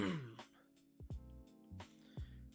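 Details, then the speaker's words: A few short throat-clearing bursts and a small cough from an adult man whose voice is tiring after about an hour and a half of talking, over steady background music. "Excuse my voice is starting to to go. I've been talking for so long."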